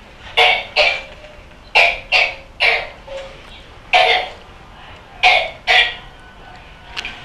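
A child coughs in repeated runs of about eight to nine harsh, wet bursts: a paroxysmal cough in cystic fibrosis.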